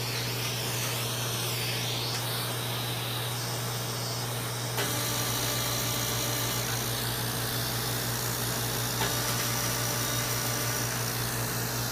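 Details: Continuous machine hum and hiss with rapid, fairly irregular ticking pulses: a CO2 fractional laser firing during skin resurfacing for acne scarring.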